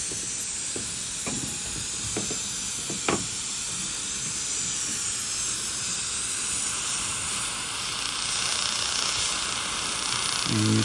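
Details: Waterlase water-cooled dental laser in non-surgical, laser-assisted periodontal treatment of the maxillary right quadrant after debridement, removing outer gum epithelium and inflamed tissue: steady spray-like hiss with a few sharp clicks early on.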